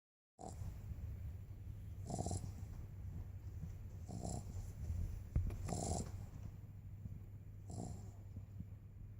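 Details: Light snoring in a sleeping dog: short snorting breath sounds roughly every two seconds over a low steady room hum.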